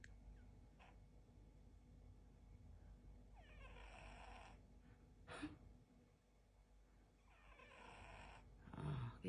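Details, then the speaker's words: British Shorthair cat asleep during the day, possibly dreaming (owner wonders), with soft, breathy, hissing snores about every four seconds over low room hum; owner remarks it is loud; cat snoring. "Aba naghihilik pa siya oh ang call center sa gabi night chip siya call center siya"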